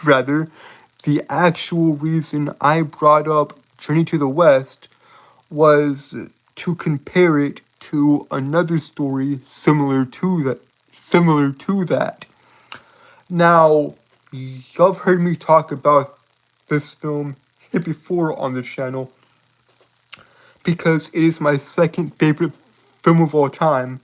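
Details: Adult male streamer with a self-reported speech impediment causing stuttering and tripping over words, with frequent phrase repetitions; stuttering.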